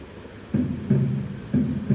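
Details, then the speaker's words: Normal first and second heart sounds, two regular low sounds per beat at about 60 a minute with no murmur, played in a cardiology teaching sequence before a split second sound, third and fourth sounds. "Ahora lo que vamos a escuchar, primer ruido y segundo ruido, y luego aparece segundo ruido desdoblado, y luego tercer ruido y cuarto ruido que ya es patológico."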